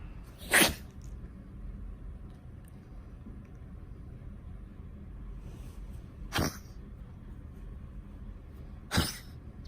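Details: Three sharp, explosive sneeze-like bursts with snorting and quiet breathing between them, from Lambchop, a 19-year-old dog with tracheal collapse and esophageal stricture and fairly normal chest x-rays; unlike her tracheal collapse cough or stricture-clearing gag.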